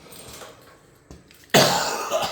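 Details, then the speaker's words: After quiet room noise, an adult man who has been sick and says he now has a real cough gives a single loud, harsh cough. "For those of y'all that have been keeping up, that little hacking cough I had, we finally got rid of it. Then I got sick, and I've got a real cough now."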